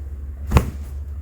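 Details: Single sharp joint cavitation crack over a low room hum during a chiropractic/osteopathic lower back adjustment in a 22-year-old man with low back pain radiating down his leg (sciatica), worse when standing; gas release, a normal manipulation sound.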